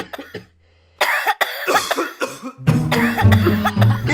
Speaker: are they still coughing